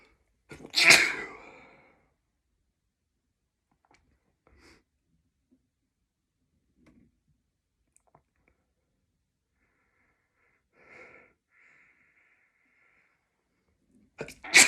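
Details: Two sharp, forceful sneezes separated by quiet and sniffing; repeated sneezing with a cold, after going through many tissues.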